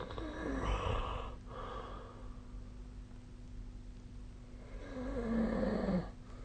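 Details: Snoring recorded with the SnoreLab app on 2025-05-15: two moderate, fluttering snores about five seconds apart with a steady room hum.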